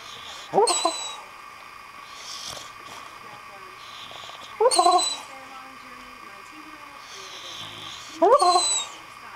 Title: My dog talking in her sleep